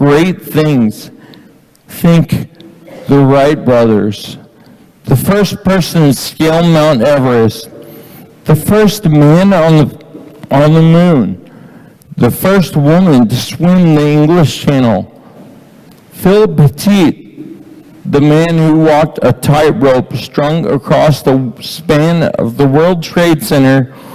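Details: Man with Friedreich's ataxia diagnosed at age 17, reading aloud; ataxic dysarthria (Friedreich's ataxia).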